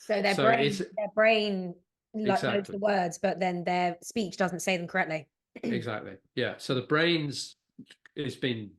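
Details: Adult woman speaking; no disorder.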